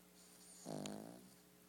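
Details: A single brief, low, buzzing snore with one rattly in-breath in a quiet room.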